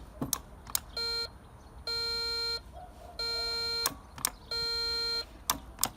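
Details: Ukrainian 300 W DKVKh-300 high-frequency surgical diathermocoagulator under repair, tested with bipolar forceps in coagulation (blue) mode: four steady beeping tones of about a second each with sharp clicks between; activation tone.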